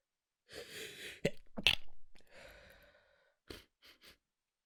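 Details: Adult trying not to wake others, early morning with a nasal tickle: a quiet, stifled sneeze, with a breathy intake, a muffled burst, and a few soft breathy puffs after.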